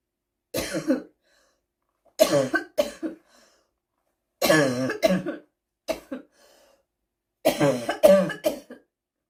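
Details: Seasonal smoker's cough: repeated harsh, throaty coughs in five short bouts.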